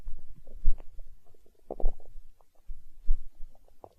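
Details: Stomach growling from hunger, with deep gurgling rumbles and bubbly pops in short bursts: borborygmi.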